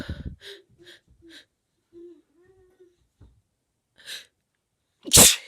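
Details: Adult woman with a cold after using chhinkni (herbal sneezing powder): short sniffles and catching breaths build to one loud, explosive sneeze. Sneezing.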